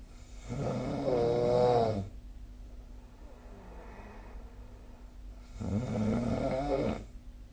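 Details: Adult snoring during sleep, recorded with the SnoreLab app: two long, rough, fluttering snores on breathing in, about five seconds apart.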